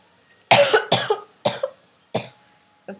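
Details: Woman having coughing fits while recording herself: a run of four sharp coughs close together, then a softer one.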